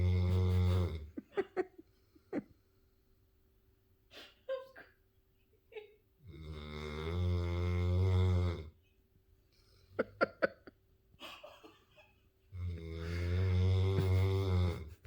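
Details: Puppy dog sleeping: two long, loud, deep rumbling snores about six seconds apart, with short snuffles and clicks between; loud snoring.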